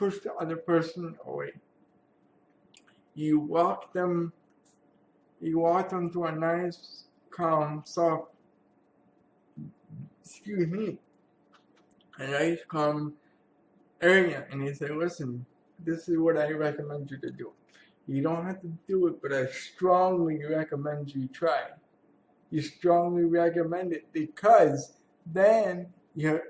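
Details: Adult man with cerebral palsy who attends therapy sessions for muscle pain; real speech, speech pattern not named; speech in cerebral palsy.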